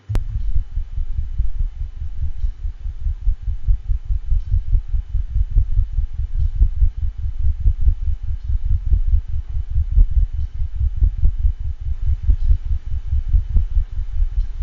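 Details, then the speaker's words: 14-year-old domestic shorthair cat with dyspnea, jugular venous distension and a thyroid slip, in congestive heart failure: cardiac murmur with a gallop rhythm. "that recording had a cardiac murmur and a gallop in a cat with congestive heart failure"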